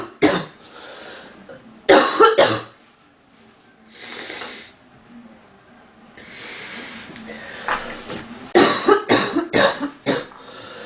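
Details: Sound-effect recording of a woman coughing, stating itchy, stuffy nose in cold weather; several short, dry cough bursts in clusters separated by breathy pauses: cough.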